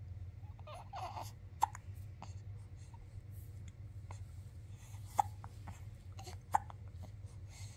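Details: Little girl waking up in the morning with hiccups: three sharp hiccups a few seconds apart, with quiet breathing and soft room noise between them.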